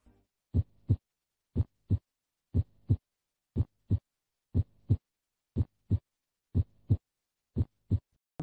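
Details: Normal heart sounds: steady lub-dub S1 (mitral and tricuspid closure) and S2 (aortic and pulmonary closure) at about 60 beats a minute, quiet systolic and diastolic gaps, no murmur.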